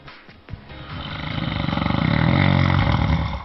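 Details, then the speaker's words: Snoring clip played to open a TV health segment on snoring and obstructive sleep apnea: one loud, rattling, low-pitched snore swelling over about three seconds as throat tissue vibrates on inhalation. "相信你们还有电视机前的各位观众朋友们都听出来了，是什么声音啊？打呼噜。"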